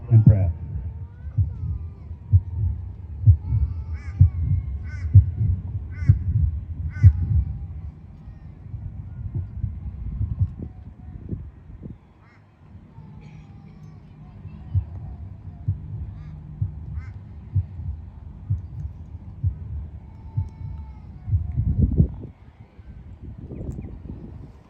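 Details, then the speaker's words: Recorded heartbeat of a man, a footballer and BMX competitor, days before his death: steady, strong beat about 64 beats a minute, played through speakers at an outdoor memorial with faint music. "this ladies and gentlemen is the sound of heartbeat just days before left us and I just wanted to share this strong heartbeat with you today"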